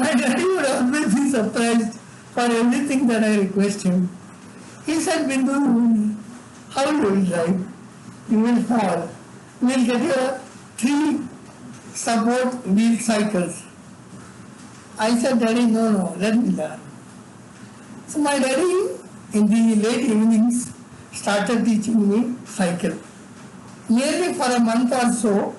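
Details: Adult man with severe cerebral palsy from birth, involuntary tremors throughout his body, unable to walk or talk until age eight: dysarthria (cerebral palsy)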